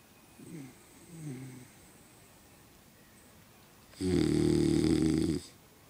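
Two soft breaths followed by a loud, buzzing, tonal snore lasting more than a second in a quiet room; snoring in a sleeping dog.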